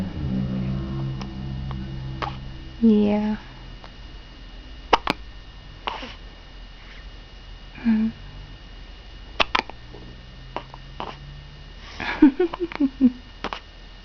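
Several sudden short gulping catches with a brief voiced click, spaced irregularly over quiet room noise: hiccups.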